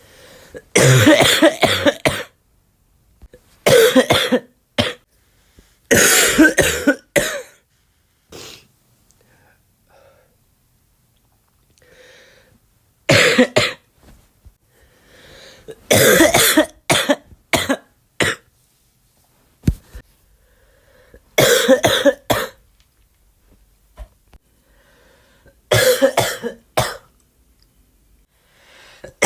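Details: Adult coughing in repeated harsh bouts of several coughs with quiet breaths between, during influenza.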